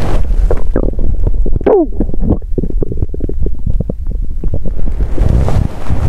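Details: Hungry person's abdomen on an empty stomach after exercise: continuous low gurgling and bubbling with a brief rising squeak, loud stomach growling: bowel sounds (borborygmi).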